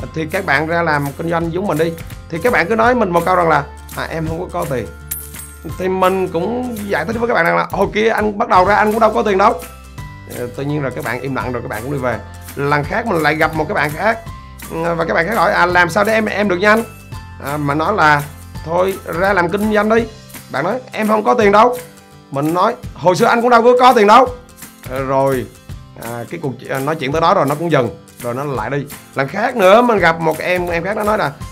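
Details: Adult man who says he has stuttered since at least his school years and that the stutter barred him from applying to a teacher-training university; stuttering.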